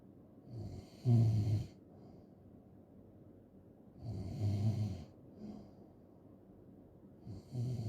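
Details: Loud, rattling snores on the in-breath about every three seconds with quiet pauses, from a loud snoring ASMR recording; ordinary heavy snoring.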